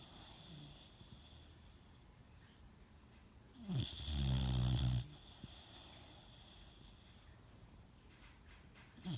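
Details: Sleeping Boxer puppy gives a single deep, fluttering snore of about a second and a half, another beginning at the end, over quiet room noise: snoring.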